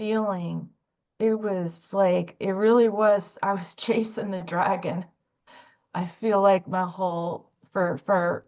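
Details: Adult woman speaking; stuttering.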